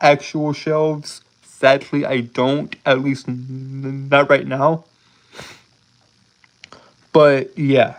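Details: Adult man with a speech impediment present since birth, who says he holds syllables rather than repeating sounds; stuttering (prolongations and blocks).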